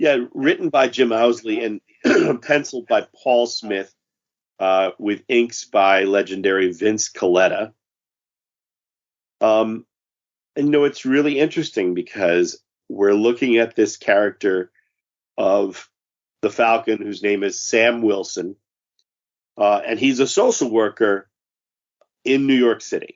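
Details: Adult male speaker; Normal speech.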